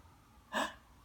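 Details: 3-month-old baby laughing at repeated fake "achoo" sneezes makes a single short, sharp indrawn breath, a gasp.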